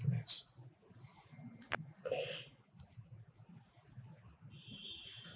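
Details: Chiropractic neck adjustment for cervical pain, patient guided to breathe in and out: a single sharp click over a quiet room with soft murmuring; joint cavitation (neck crack).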